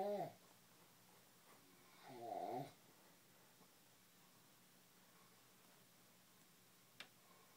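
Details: Two brief, rough, fluttering snores a couple of seconds apart over quiet room noise; snoring.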